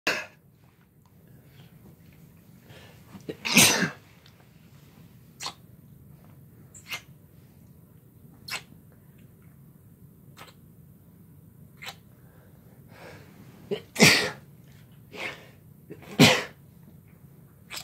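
Several sharp sneezes in a row with softer catches of breath between them, in a quiet room: a sneezing fit.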